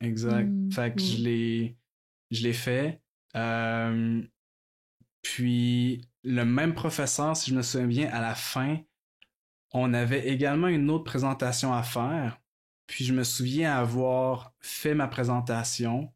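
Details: Adult woman who stutters, a master's candidate in speech-language pathology; word repetitions heard; stuttering.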